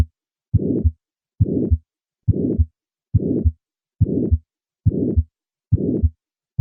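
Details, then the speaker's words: Aortic stenosis murmur, diamond-shaped; with significant stenosis it can also be heard at the apex with a change in pitch. "the murmur of aortic stenosis will on occasion be audible at the cardiac apex with a change in pitch the gala Vardhan phenomenon despite this increase in pitch this murmur retains his characteristic diamond shape"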